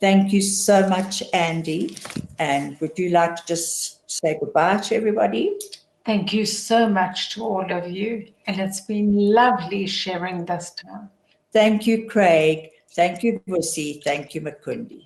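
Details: Adult speaker; typical speech.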